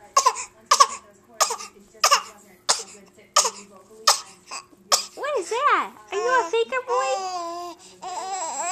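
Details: A 5-month-old baby boy gives a series of short, deliberate cough-like bursts, a playful voluntary fake cough rather than illness.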